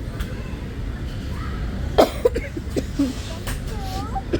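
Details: Cough heard while a mother teaches a young child fruit and vegetable names during play.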